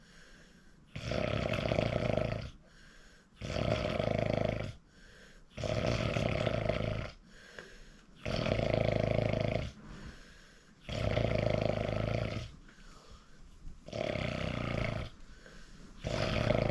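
Regular buzzing snores, one roughly every two and a half seconds, with quiet breaths between; steady snoring during sleep.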